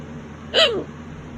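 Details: Late-night violent hiccups that have lasted half an hour: a single sudden voiced hiccup with a sharp catch and falling pitch over quiet room noise.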